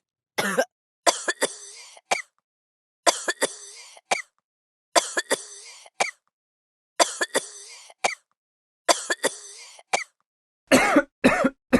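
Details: Repeated short bouts of dry-sounding coughs, several coughs per bout, recurring about every two seconds: persistent cough.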